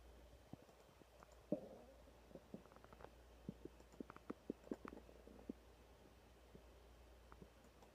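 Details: Soft gurgles and brief squelching pops from the abdomen, with a few faint clicks (mouse, typing) over low room hum; ordinary stomach growling (borborygmi).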